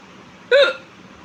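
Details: A single abrupt, loud voiced hiccup with a sharp onset and quick fade over quiet room noise, from a woman's ongoing non-stop hiccup bout.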